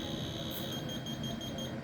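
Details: Steady high electronic tone over room noise: a diathermy (electrosurgical) unit's activation tone during a performance test of cut and coagulation settings on a machine being repaired.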